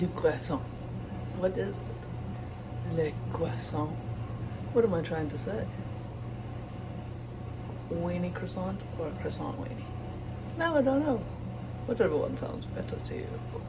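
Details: Vocal tics of Tourette syndrome in a man, who says his Tourette's shows as movement and sound and that the sounds in his voice come from it.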